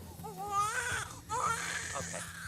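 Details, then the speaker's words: Newborn girl, 8 lb, just delivered in a high-risk maternity unit with delayed cord clamping, nice and pink: brief, vigorous crying shows she is breathing well; breathing a little fast but normal after delivery. "Oh, she looks beautiful. She's nice and pink. She's crying, so we know she's breathing well."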